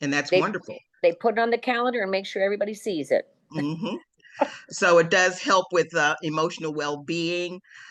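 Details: Adult speakers in conversation; normal speech.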